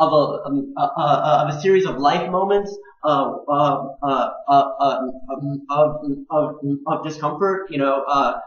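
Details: Adult man who stutters, also on the autism spectrum, with a father who also stuttered; syllable and word repetitions, pauses and blocks between words, worse when passionate or anxious; stuttering.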